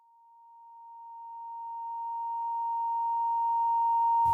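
A steady, high-pitched pure tone grows gradually louder, with a brief noise at the end: a simulation of tinnitus.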